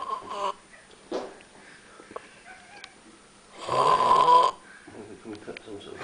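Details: Snoring during sleep: a loud, rattling snore about a second long stands out between quieter breaths and faint room sounds.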